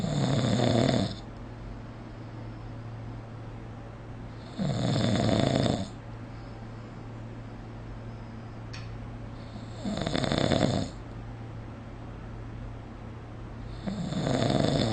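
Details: Loud, rough snores about every 4 to 5 seconds, roughly 13 a minute, over a steady hum, recorded during sleep with a snore-recording phone app; snoring.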